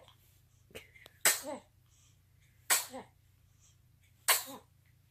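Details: Infant sneezing, from a compilation of baby sneezes: three sharp, high-pitched sneezes, each after a brief catch of breath, over a low steady background hum.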